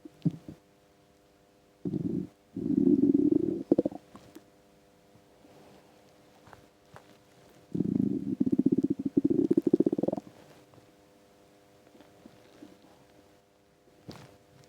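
Two long, gurgling, growling rumbles with quieter gurgles between, normal hunger rumbling from an empty stomach.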